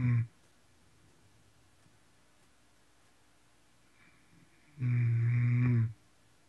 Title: going hard (Snoring)